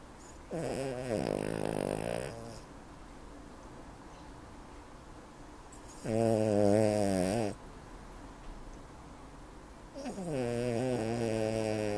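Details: 7-year-old ruby Cavalier King Charles Spaniel weighing 7 kg snoring: loud, droning, tonal snores, three breaths with long pauses between; unusually loud snoring for such a small dog.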